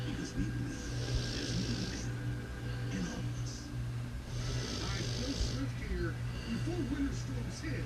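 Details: Destiny asleep, rhythmic noisy snoring at roughly 15 breaths a minute over a low room hum.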